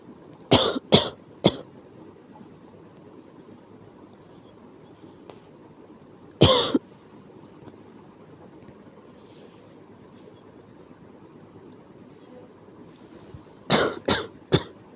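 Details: Sick cough: six harsh coughs in three short bouts with quiet between them, a repeated unpleasant cough.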